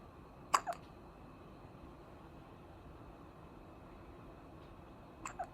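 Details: Newborn baby, 9 days old, with hiccups: two brief, sharp hiccup sounds several seconds apart against quiet room noise.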